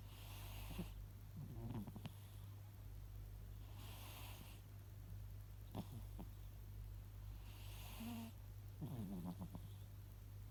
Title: Big black cat snoring. Long video.